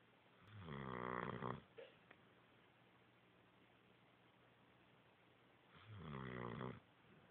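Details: Sleeping dog snoring: two long, buzzing, tonal snores about five seconds apart, with quiet room noise; the dog later wakes up barking.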